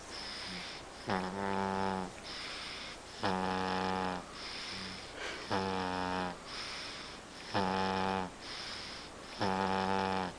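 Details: Steady loud, buzzing, droning snores with quieter airy breaths between, about 14 breath cycles a minute: snoring.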